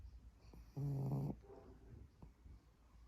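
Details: Pug dog sleeping: one brief, low, buzzing rattle on an in-breath, then quieter breathing. Snoring.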